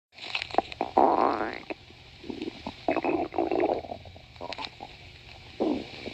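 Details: Stomach growling: borborygmi (bowel sounds).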